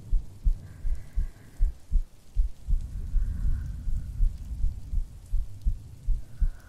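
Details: Woman's normal heartbeat in a sleep-aid ASMR recording with no talking: steady low regular thumps at about 80 a minute under rain noise.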